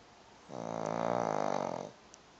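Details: Repeated snoring during sleep: a single rattling, buzzing snore lasting about a second and a half on one breath, in a quiet room.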